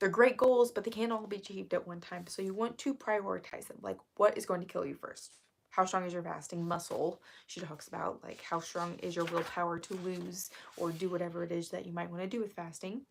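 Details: Woman with self-described really bad current vocal fry, which she attributes to speaking quietly so as not to disturb someone in the next room; vocal fry.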